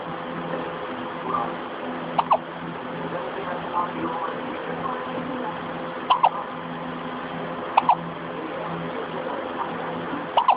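Sharp, brief hiccup sounds repeating about every two seconds over steady low room hum; hiccups.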